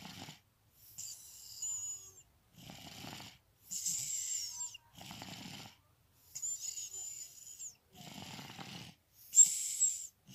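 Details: Soft, hissing breaths with faint low rattles, about eight in ten seconds, from a baby girl (third daughter) during a nap; light infant snoring.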